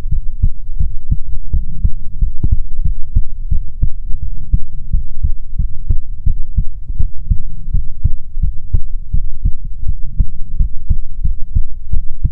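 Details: ASMR heartbeat recording: loud, steady heartbeat with clear paired thumps, roughly 80 beats a minute; normal heartbeat.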